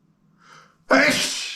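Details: A single sneeze set off by feathers and dust from a feather duster: a soft indrawn breath followed by one loud, explosive burst of air.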